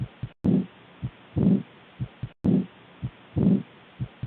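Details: Heart auscultation demonstration: regular paired beats with first and second heart sounds clearly separated, about 60 beats a minute; normal heart sounds.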